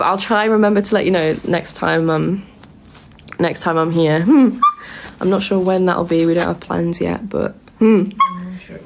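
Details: Woman with Tourette syndrome who makes tic noises while awake, during a live stream; vocal tics (Tourette syndrome).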